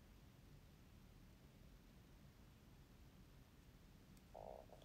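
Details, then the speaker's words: Quiet low room rumble, then a brief croaking, gurgling tone near the end as a young woman on a livestream notes her stomach growled: stomach growling (borborygmi). "お腹鳴ったおもちゃメールはね、そのアカウントがどうなろうと見ますよ。"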